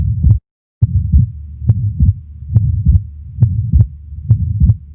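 Regular low heart sounds at about 69 beats a minute, with soft low rumbling between beats, heard at the upper left chest. This fits an atrial septal defect, where extra blood flow across the heart produces a soft murmur and a split second heart sound.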